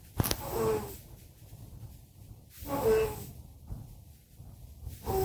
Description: Simba and Prissy snoring very loudly. Who snores loudest? Who has the funniest snore?